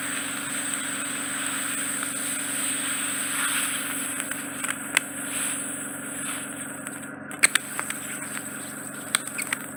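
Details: Steady hiss with a low hum, then brief crackles and pops as wax is drawn into the suction tip during ear wax removal.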